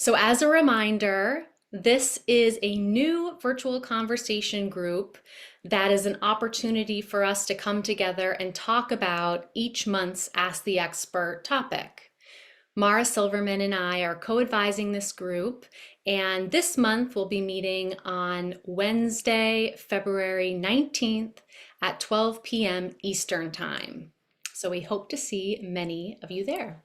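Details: Adult woman speaking; typical speech.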